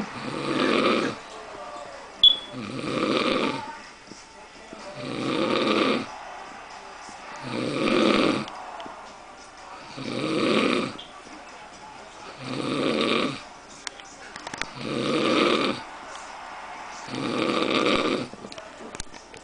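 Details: Sleeping person with regular rough snores on each breath, about 25 a minute, with quiet gaps between; ordinary snoring.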